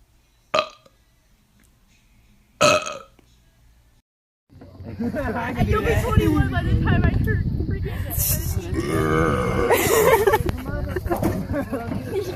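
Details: Burping compilation from different men: two short loud burps, then a long drawn-out belch, with voices and background music.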